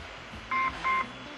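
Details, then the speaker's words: Two short electronic beeps from an automated external defibrillator (AED) that does not give voice prompts, heard after the patches are placed and before the "push analyze, stand clear" step, in a public AED program demonstration. "The one that we've put out in the community does, and all the rest will. But the device tells you to put the patches on the patient."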